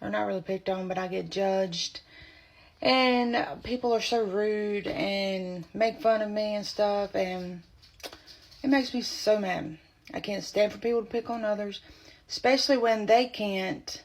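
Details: Adult woman with spasmodic dysphonia, diagnosed at age 24 when about three to four months pregnant; voice loss began during pregnancy and worsened as it progressed; spasmodic dysphonia.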